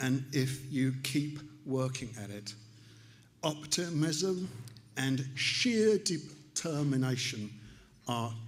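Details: Aphasia in an adult male stroke survivor about three years after the stroke, still relearning to speak; aphasia.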